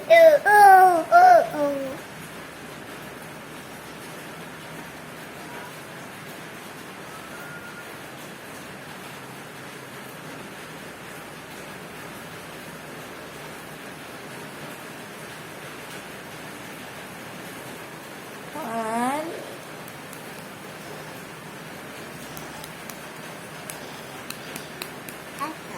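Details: Toddler aged 1 year 4 months with bilateral vocal cord paralysis makes brief high-pitched crowing breath sounds; inspiratory stridor.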